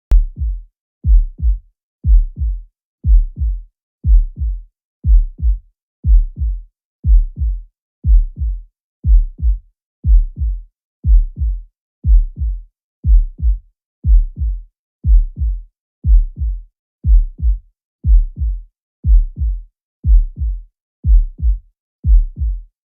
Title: Normal Heart Sound